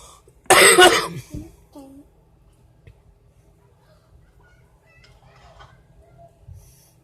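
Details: Cough while smoking from a woman smoking a Black and Mild cigar: one loud, harsh cough followed by a smaller one.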